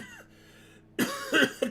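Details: Two or three quick harsh coughs in a short fit after a quiet tone, from an adult smoking cannabis dabs during a livestream who first blamed the smoke but thinks he has caught a cold, possibly from germs via his puppy.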